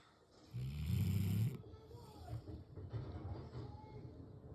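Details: Snoring in a black Labrador sleeping on the couch: a deep, rumbling snore with a rattling, fluttering quality, followed by softer noisy breathing.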